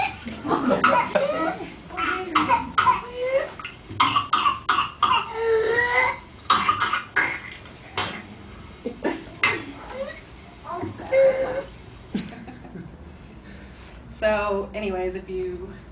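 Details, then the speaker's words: An infant with pertussis coughs in rapid runs, then gasps with high-pitched, crowing intakes of breath, choking and unable to breathe from coughing so hard; whooping cough. "What's happening in that audio clip is the baby is choking because they can't breathe because of how hard they're coughing. And the reason they're coughing is because they have a disease called pertussis, which is actually called whooping cough"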